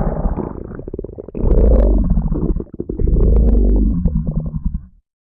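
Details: Loud, long, deep gurgling rumbles with bubbly crackles in two waves; ordinary stomach growling (borborygmi).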